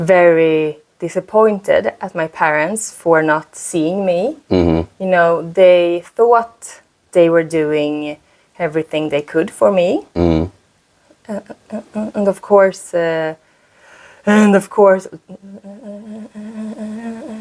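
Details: Adult woman who stutters; stuttering.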